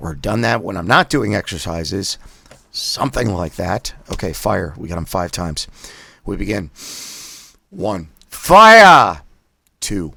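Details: Adult man with spasmodic dysphonia doing voice exercises with a Forbrain device, voice rough on first day back after a break, with prior surgery to remove a vocal cord polyp; spasmodic dysphonia.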